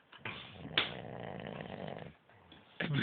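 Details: Snoring from a sleeping person: long, rough, rattling breaths with a snorting onset and a pause before the next breath.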